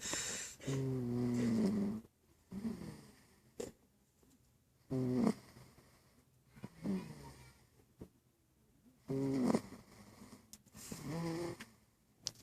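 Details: Snoring in a "cute baby": rattling, groaning snores, about 14 a minute and uneven in strength, with quiet gaps between.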